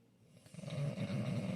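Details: Snoring during sleep: a low, rumbling, fluttering snore that builds over about a second, with soft background music.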